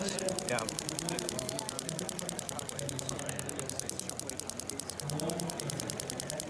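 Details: Storz shockwave device vibration applicator worked in strokes over tense tissue, chronic golfer's elbow (medial epicondylitis), at a therapy expo: rapid steady mechanical tapping, about 200 pulses a minute, over room hum and faint talk.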